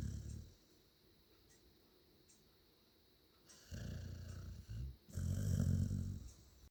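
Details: Sleeping dog in a quiet room making deep, rumbling snorts with pauses between breaths; snoring.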